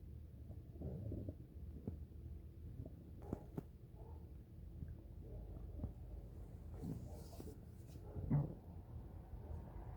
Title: Ambient stomach growling